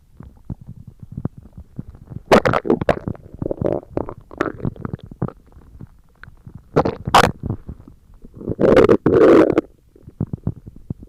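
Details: ASMR recording of stomach growling: loud bubbling, gurgling bowel sounds in irregular bursts with squeaky rumbles; borborygmi.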